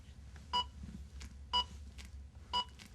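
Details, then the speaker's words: ZOLL AED Plus Trainer 2 training scenario with CPR metronome on: regular electronic beeps about once a second pacing chest compressions during the CPR interval; simulated, not a real patient. "the two middle buttons butons can only be used during the CPR interval while the trainer 2 unit is beeping in a scenario with the CPR metronome on"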